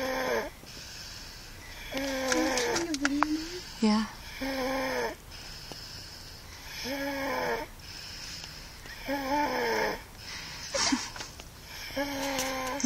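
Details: Person sleeping in a van snoring loudly: rattling, tonal snores in repeated cycles with some room noise.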